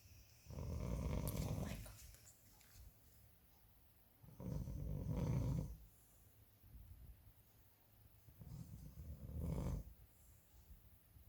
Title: CHALU TOTA || PARROT LIKES SNORING💤😴 || ME MU THE PERSIAN CAT VLOG😽